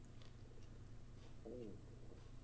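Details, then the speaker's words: Adult during a walking-exercise cool-down stretch around noon lunchtime notes their tummy growling; stomach growling (borborygmi) from hunger. "boy, my tummy's growling. I don't know if you can hear that. I need to take a break. It's about 12 o'clock lunchtime, talking about food."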